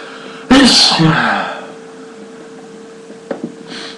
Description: In this video I sneeze many times after sniffing pepper